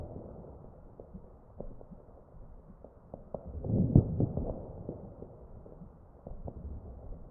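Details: Crackles in chest auscultation of a real ventilated patient.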